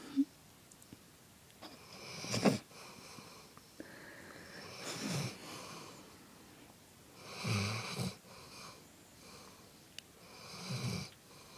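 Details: Dog snoring, exhausted after agility: rough, rattling breathing in a small room, about four loud snoring breaths over twelve seconds, some with a wheezy whistle.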